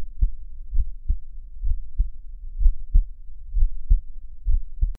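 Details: Low, regular lub-dub thumps at about 62 beats per minute from a relaxing adult male listening to his own heartbeat; calm normal heartbeat.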